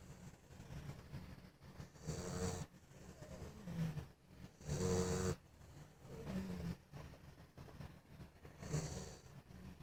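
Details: Sleeping dog with low, rumbling snores and a breathy hiss in uneven cycles, about four in ten seconds, quieter breathing between; snoring.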